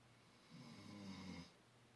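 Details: Male pet settling to sleep gives one soft, low, rumbling snore about a second long over room hiss; snoring.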